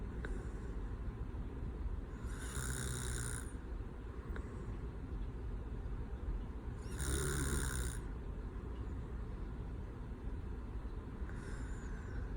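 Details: Adult man (boyfriend) with soft, regular snoring breaths about every four to five seconds over a steady low rumble; snoring.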